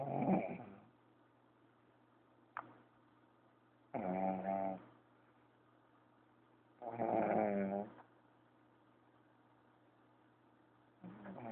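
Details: Female pug dog napping: loud, rough, buzzing snores about every three seconds, each with a vibrating rattle, over a steady room hum. Heavy snoring in a sleeping dog.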